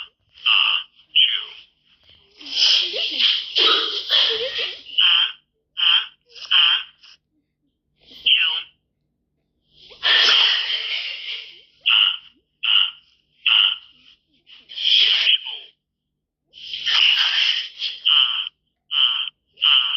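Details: Simulated cartoon sneezing from the animated show Numberblocks: cartoon voices repeatedly calling out acted "achoo" sneezes; imitated sneezing, not real.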